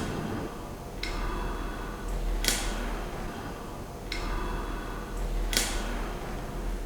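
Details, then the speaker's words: Child inhaling through a spacer held in the mouth with a full seal after one inhaler actuation, taking 10 deep breaths: soft regular clicks of the spacer valve, about 19 a minute, showing the valve moves properly. "दूसरा, जब आप ये दवाई दे रहे हैं और बच्चा इसके अंदर स्पेसर के अंदर सांस ले रहा है, ये जो इसके अंदर वाल्व्स हैं इनको मूव होना बहुत ज़रूरी है। इनकी कट कट आवाज़ आनी बहुत ज़्यादा ज़रूरी है।"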